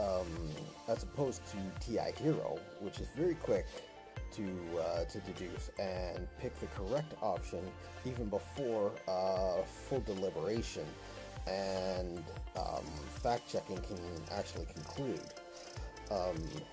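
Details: Speaker who reports a stutter in his voice, which he relates to concern about how he performs and comes across to others; stuttering.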